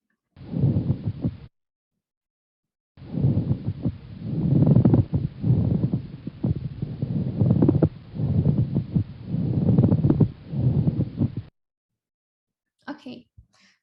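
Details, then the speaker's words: Pleural friction rub, the last of the adventitious lung sounds played in a self-made lung sounds explainer. "and um the last but not least we also have the plural friction"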